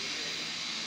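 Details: Suction system of a home-made dental chair starting up: a steady, high-pitched hissing rush of air-driven suction, the normal running sound of a saliva ejector with a debris-catching cup.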